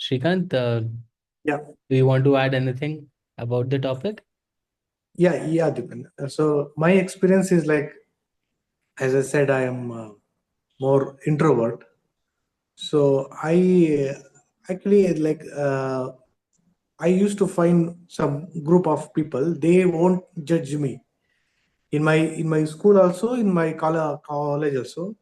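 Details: Adult man who self-identifies as a person who stutters and says he is very ashamed to stutter in front of people; real, unscripted speech showing stuttering.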